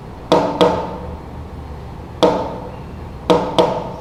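Tapped imitation of trigeminy: two evenly spaced beats, then a premature beat close behind, followed by a pause.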